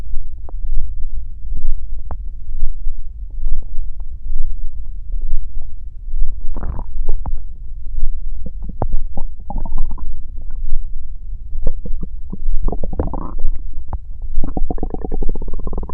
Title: Stomach growl